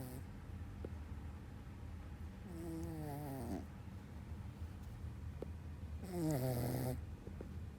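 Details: Sleeping dog snoring: two drawn-out, whistling, buzzy snores about three seconds apart over low steady room noise.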